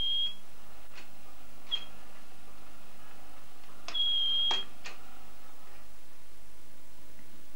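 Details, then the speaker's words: Kidney dialysis machine, pre-dialysis safety alarm testing (blood pressure, fluid removal and filter temperature alarms): short electronic beeps in a quiet room. "all these must be tested one of the alarms i use is to tell me the pressure of blood inside the kidney"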